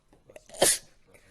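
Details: A single quick, sharp sneeze after a brief inhaled build-up.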